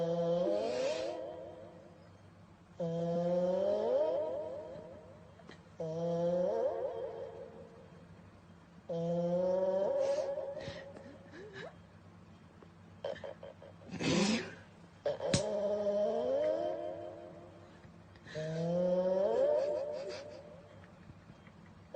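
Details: Sleeping cat snoring, caught on microphone: regular, slightly tonal rasps, about 19 a minute, in a quiet room; snoring.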